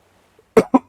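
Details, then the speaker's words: Two short, sharp coughs in quick succession from an adult feeling unwell, coughing repeatedly, partly clipped by a microphone noise filter; cough. "I've been coughing this this is probably unusable because I've been coughing so much although I do that it's that noise filter does knock out some of the coughs just makes them sound annoying though"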